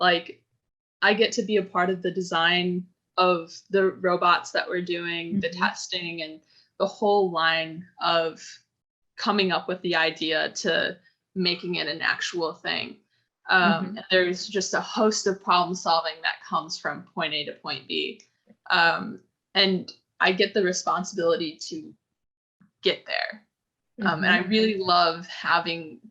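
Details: Adult speaker; normal speech.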